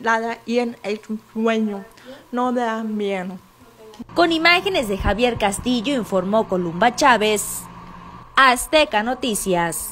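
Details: Adult woman, news reporter; typical speech.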